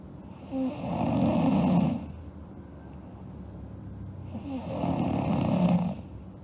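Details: Sleeping girl snoring: two loud, rattling inspiratory snores about four seconds apart, a breathing rhythm near 15 a minute.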